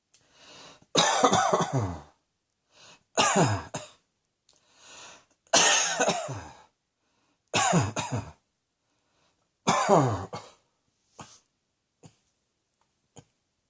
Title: Cross Dressing Coughing 71